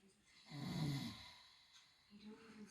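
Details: One low, rough, rattling noise on the in-breath with faint room noise, from someone said not to snore; snoring.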